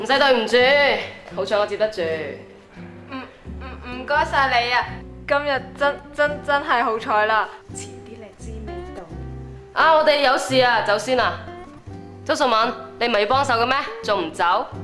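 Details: Acted drama: female student who has stuttered since birth reads her essay aloud with sound and word repetitions; stuttering.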